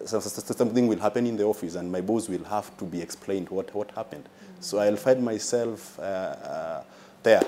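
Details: Adult man with a stammer described by a consultant as mild, involving delays on some words and worsening when nervous; finding: stuttering (mild).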